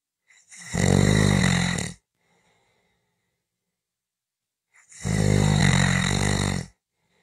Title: 5 Minutes of snoring Audio